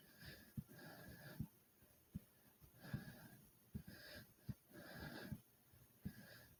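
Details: Fast, heavy, airy breaths of about 38 a minute with dull thumps between them after doing 30 jumps in place: normal heavy breathing after exercise.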